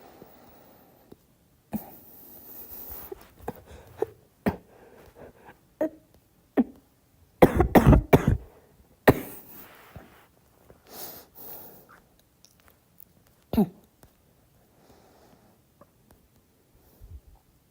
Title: Girl coughing 239